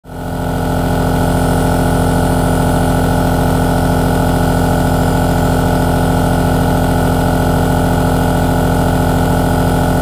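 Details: 3H aerosol nebulizer compressor running, recorded as a relaxing background sound.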